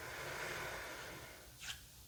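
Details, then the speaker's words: Normal breath sounds by stethoscope in a roleplay exam of an adult with scratchy throat, upset stomach and tiredness, breathing deeply in and out; no crackles, no signs of infiltrates or pneumonia. "Not hearing any crackling. No signs of any infiltrates or pneumonia. All normal sounds coming from your lungs."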